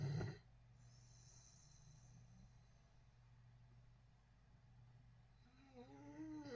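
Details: Snoring: a brief loud burst, then a steady low rumbling breath sound and a short tonal rising noise at the end.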